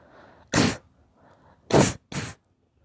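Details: Daughter sneezing: three sharp, explosive sneezes, each preceded by a soft nasal intake of breath.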